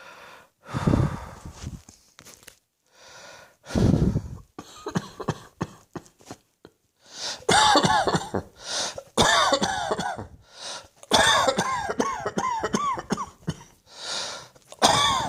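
Repeated coughing in bursts, some harsh and some voiced, with short pauses between fits.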